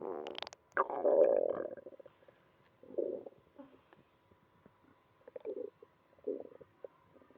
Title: Stomach growling in the morning after diarrhea all night